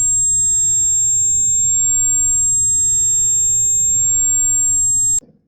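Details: Simulated tinnitus (ringing in the ears): a steady, piercing high-pitched tone.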